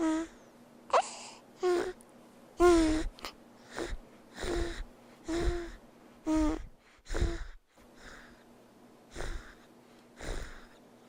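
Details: Simulated infant snoring from a lifelike reborn baby doll: rhythmic noisy breaths, about 64 a minute, with soft moaning sighs and dreaming sounds.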